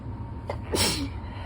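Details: Adult during an allergy attack while reading aloud: a quick intake of breath, then a single sharp sneeze over steady background hum.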